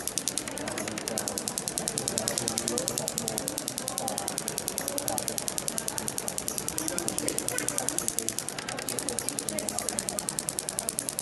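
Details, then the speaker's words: Radial shockwave fascia release on the shoulder of a male Olympic athlete with reduced right shoulder motion, worked at 90 degrees to the fibres at lower frequency and energy 1.3 over a stuck spot; rapid even clicking about ten a second; shockwave device pulses. "but I work 90 degrees to the fibrous like this this motion here lower frequency lower the energy to 1.3 a reset accounting system so I this is where it's stuck they can feel it fought in the muscle fire or frying all right"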